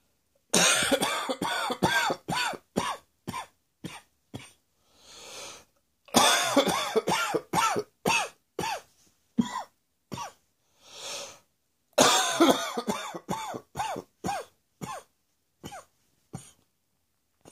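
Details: Morning reflux cough on waking: three long bouts of rapid, harsh coughing from an adult, each followed by a deep inward breath.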